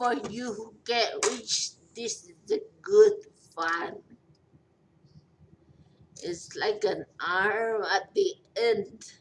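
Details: 43-year-old woman in long recovery from a major stroke, who says she is hard to understand; post-stroke dysarthria.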